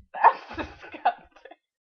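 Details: Man trying to provoke a sneeze by putting a finger up his nose: a short, rough explosive burst, then smaller throaty bursts, a brief coughing or sputtering fit.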